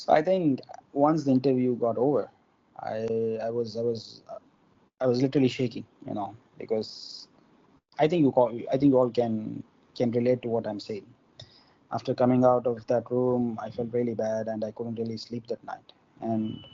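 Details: Adult man from India who stammers, with involuntary stuttering acquired at about age four or five; stuttering.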